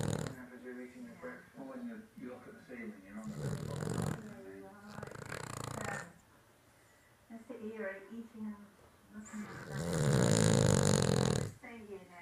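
Slow, rough, rattling breaths in and out from a sleeping dog, some louder and longer than others; snoring.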